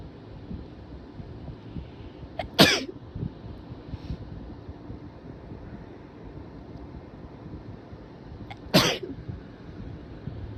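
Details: Two forceful sneezes several seconds apart over steady room noise, after a tickly day; person suspects allergies but fears a cold; sneezing.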